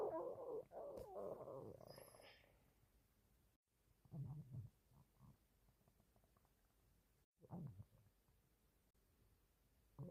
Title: Male stomach growling - on TikTok